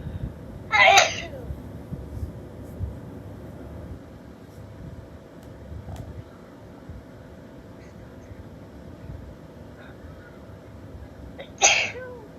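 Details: Female fighting through tickly dust-triggered sneezes, trying to announce each one: two sharp, explosive sneezes about ten seconds apart with a quiet room between; sneezing.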